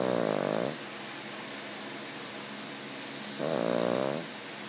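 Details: A 6-year-old female Cavalier King Charles Spaniel that snores all the time: two loud, buzzing, fluttering snores on in-breaths about three seconds apart, with quiet breathing between.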